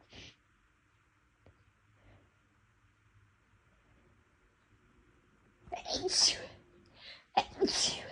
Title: Tickly Loud Induced Sneezes